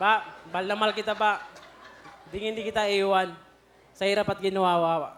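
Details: Adult man, a cook, whom his wife describes as unable to pronounce words clearly, e.g. saying 'chef' as 'chip'; speaking Tagalog; articulation disorder (speech sound errors).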